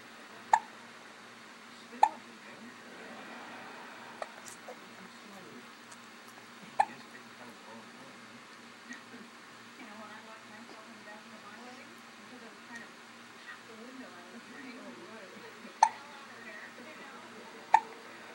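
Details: About one-week-old newborn with hiccups: about five short, sharp hiccup clicks at irregular intervals over soft background noise.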